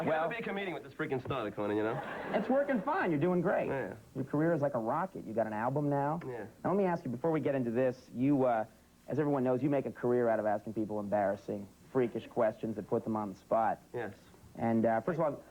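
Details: Two adult men in conversation; ordinary fluent speech.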